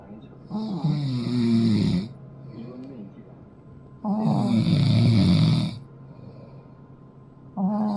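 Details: Loud, rough, rattling snores about 17 a minute, long and uneven, with quieter breathing between, from a father and a long-haired Chihuahua napping together; snoring.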